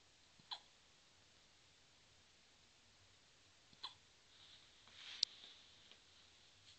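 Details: Two brief, soft, sharp hiccups a few seconds apart in a quiet room.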